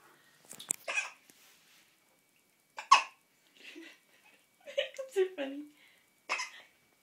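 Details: Baby at bath time with hiccups: short, sharp catches at irregular intervals among soft baby sounds, with adult voices nearby; infant hiccups.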